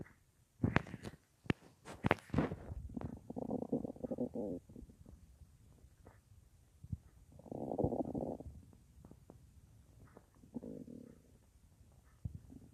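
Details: Quiet gurgling rumbles and clicks of ordinary stomach noises at night, recorded while reading lying on the left side, about an hour after soup on a day without a full meal; phone in front of belly or mic pressed against it.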